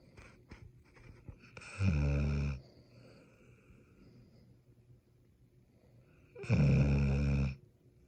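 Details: Kelpie dog, two loud, low rattling snores with quiet breathing between; snoring.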